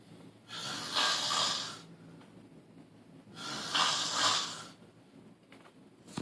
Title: snores like a mofo